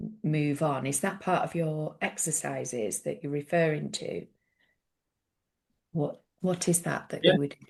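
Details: Adult man with a stammer, described as a neurological condition felt as blocks stopping words, occurring on any word, with silences while blocked; stuttering (stammering).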